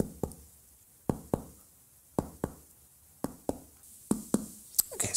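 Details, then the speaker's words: Abdominal examination percussion over the liver of a patient lying down: paired finger taps shift from resonant to duller, a clear change in note marking the liver edge and confirming palpation findings, showing liver dullness. "we've got a good change in note there we're going to do the same again over here"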